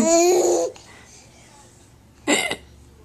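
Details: A person laughing with a high squeal, then after a pause a short, sharp voiced catch in the throat, a hiccup. Recorded on a Flip Video camera.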